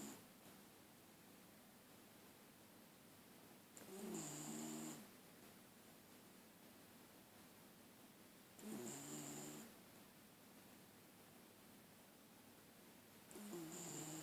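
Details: Tired dog snoring: soft, regular snores with a faint whistle on each breath, about 13 a minute, in a quiet room.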